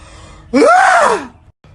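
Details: Sharp, voiced inward gasp, rising and falling and lasting under a second, as a person feels a sneeze coming on just before sneezing: gasping.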